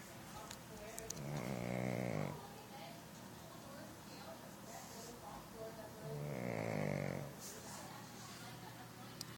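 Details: Pug dog snoring with eyes open: two loud rattling snores about five seconds apart with quiet breathing between, roughly 12 breaths a minute; snoring of a flat-faced dog.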